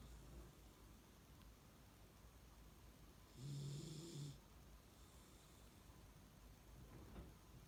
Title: Dog snoring